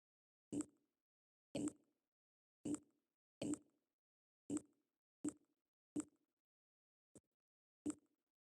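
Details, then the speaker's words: Person with Ehlers-Danlos syndrome and facial dystonia, jaw dislocating while recording voice lines, audible externally: nine sharp, hollow pops at irregular intervals over about eight seconds, each with a short decay; jaw joint clicking. "I caught audio of the sound my jaw makes when dislocating except it wasn't coming from inside you know where only I could hear it's Audible"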